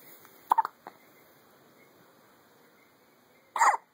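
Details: Morning hiccups in a baby girl who is smiling: short, sharp hiccup sounds, a quick pair and then another a few seconds later, in a quiet room.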